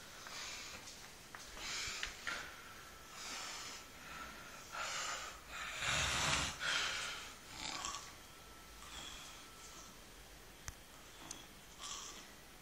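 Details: Loud snoring: repeated rough, snorting snores in irregular bursts roughly every one to two seconds in a quiet room.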